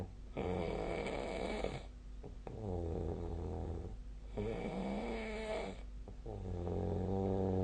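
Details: Sleep snoring: loud, rattling snores on breaths in and out, with fluttering throat vibration and steady room noise; heavy snoring.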